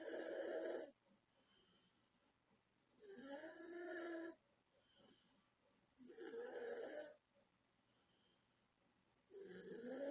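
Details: 36-year-old woman from the Philippines snoring very loudly: deep, rattling snores with each in-breath, about 18 breaths a minute, quiet out-breaths between.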